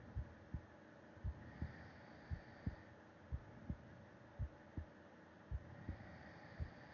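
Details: Heartbeat heard with an ear against the chest of a person sleeping, breathing softly: soft paired thumps at about 56 beats a minute, steady, with faint background hiss, a normal resting heartbeat.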